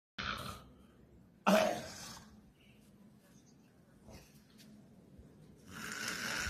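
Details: Adult man snoring while asleep floating motionless in a swimming pool: three loud, rough snorting breaths with quiet gaps, over faint outdoor noise.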